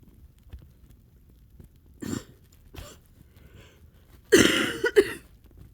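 Several loose, rattly coughs from an adult, a wet cough bringing up mucus as the lungs clear.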